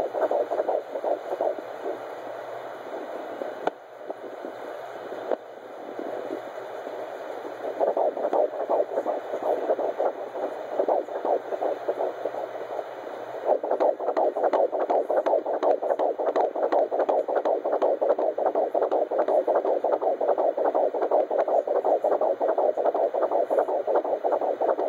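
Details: A fetal heartbeat at 13 weeks on a handheld Doppler gives fast, regular whooshing pulses at roughly 160 beats a minute, with an echo noted.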